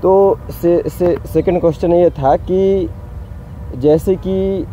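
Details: Hindi-speaking man who stutters, including when talking to others; stuttering.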